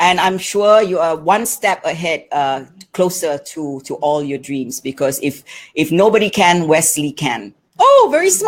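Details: Adult woman speaking; typical speech.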